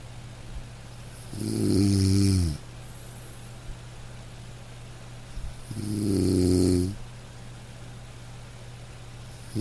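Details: Two low, rumbling snores on in-breaths about four seconds apart over steady room hum, recorded from a household snorer during sleep.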